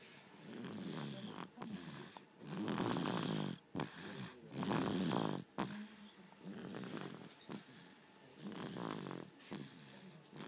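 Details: Dog so tired she snores loudly while asleep, sounding like a tractor, in rough, rumbling bursts with short pauses between breaths; snoring.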